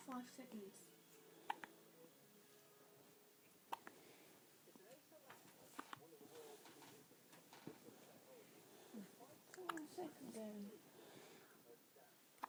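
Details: A child has hiccups: about five sharp, brief gulping clicks a few seconds apart, over soft child vocal sounds and quiet room noise.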